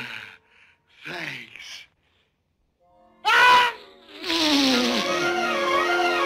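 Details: Cartoon voice with music from the Snow White dwarf Sneezy: sharp rising gasps building up as before a sneeze, acted by a cartoon character, not real; gasping.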